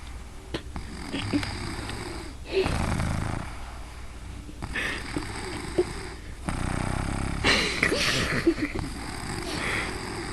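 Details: Asleep on Halloween night: loud, rough breathing noises repeating in cycles, faint room sounds; snoring.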